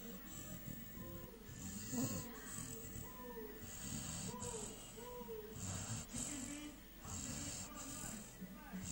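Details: Sleeping American Staffordshire Terrier (Amstaff): rhythmic snorting snores with whistly nasal tones over background noise. Snoring.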